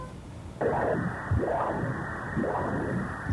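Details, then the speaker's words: Pulsed-wave Doppler of a normal inferior vena cava: whooshing venous flow that swells and fades in waves, showing double atrial (cardiac) and respiratory modulation. "l'enregistrementopère pulsée de la veinecave inférieure normale montre une double modulation auriculaire et respiratoire"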